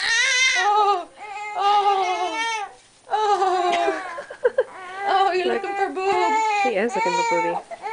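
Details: Newborn baby girl crying while being wrapped in her blanket; her mother mentions she is still learning to breastfeed. Loud, sustained, rhythmic crying in bursts with brief breaths between: a vigorous, normal newborn cry.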